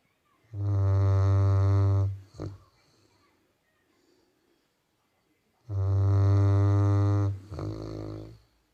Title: Labrador snoring while sleeping ( funny video)